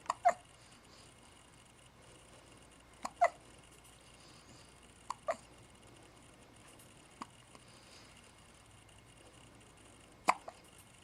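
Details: Pet hiccuping in a quiet room: short, sharp, irregular little clicks or pops, several per minute.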